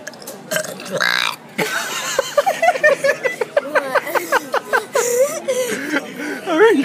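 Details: Young boy deliberately burps loudly in a restaurant, answering his brother's challenge in a burping contest: a loud, drawn-out burp, then playful vocal sounds, with background music and laughter.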